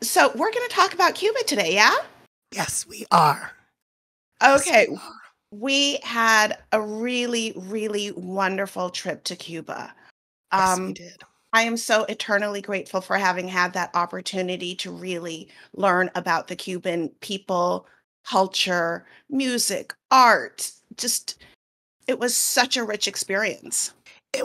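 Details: Adult woman speaking; normal voice.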